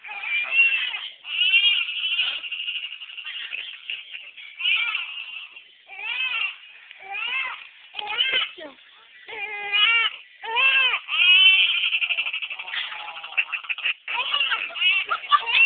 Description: my great nephew. he was hungry and let us know it! the cry was so sweet and funny though we couldn't resist filming.